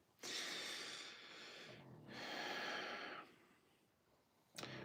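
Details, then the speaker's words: Sleeping pug snoring: loud, hissy, snorting, pig-like breaths, two long noisy breaths in about five seconds. "Bruce what is that sort of snoring noise so it sounds like a pig sort of it's a pug pig pug same thing"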